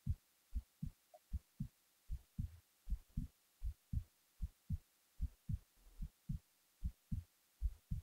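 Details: Resting heartbeat recorded while the person was falling asleep: steady, low, paired thumping beats at about 76 a minute with a regular rhythm.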